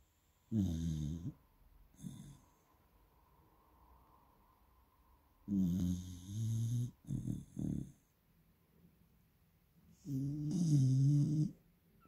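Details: Loud, rough, low snores from a sleeping Springer Spaniel puppy, about four breaths over twelve seconds with quiet pauses; ordinary sleep snoring.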